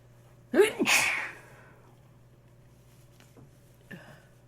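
One forceful wet sneeze with a sharp intake before it, followed by a faint sniff, sneezing with nasal congestion.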